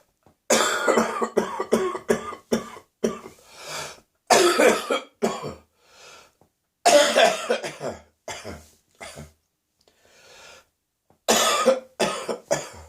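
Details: Morning coughing in an adult whose cough is descending into the chest with ongoing throat pain: repeated harsh coughing fits, a deep chest cough with raw throat irritation.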